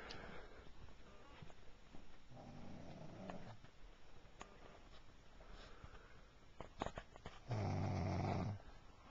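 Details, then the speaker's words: Adult woman, the recorder's wife, asleep and snoring: quiet room with a few low, rumbling snore breaths, the loudest near the end; snoring. "they don't think you snore, but you're snoring right now. And we're about to get you on video."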